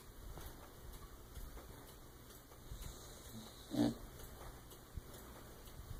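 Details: Sleeping puppy: soft, snuffly snores with one louder snort near the middle; snoring.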